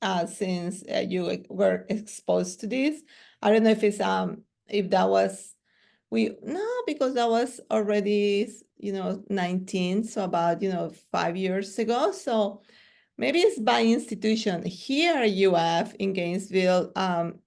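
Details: Adult speaker; ordinary conversational speech.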